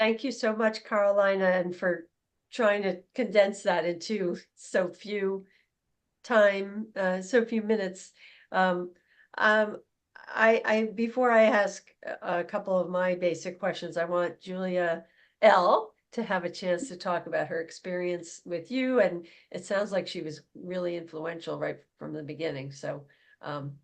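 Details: Adult woman speaking; normal voice.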